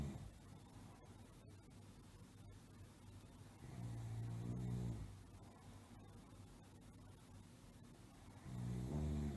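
Two low, rattling snores on breathing in, about five seconds apart, with quiet breathing between: typical snoring.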